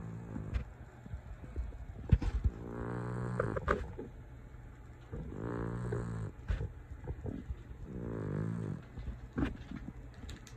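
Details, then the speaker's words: Snoring from a cat that has taken over the bed; snoring. "That's the snoring cat. Took over my bed."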